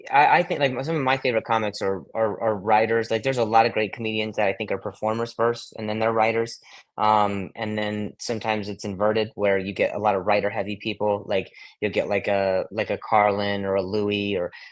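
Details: Adult male comedian who has a stutter, with word repetitions; stuttering.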